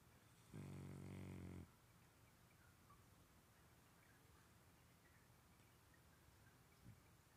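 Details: French Bulldog snoring: about 30 seconds of the dog's snoring breaths.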